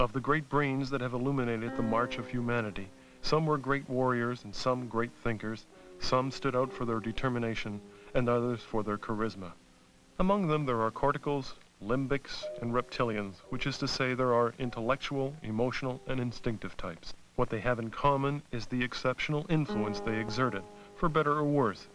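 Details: Adult male narrator; normal speech.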